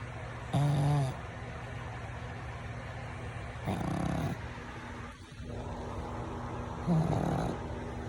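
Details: Pug dog snoring: slow, rough, irregular snoring sounds about every three seconds, with room hum in the background.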